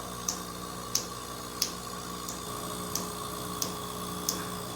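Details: Rhythmic crisp snapping laser pulses about every two-thirds of a second over steady machine hum: laser tattoo-removal treatment of a deeply pigmented nevus of Ota birthmark around a female patient's eye, with a metal eye shield, upper lid treated, and a perfluorodecalin patch.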